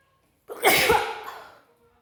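A single sharp, wet-sounding sneeze burst that fades out over about a second.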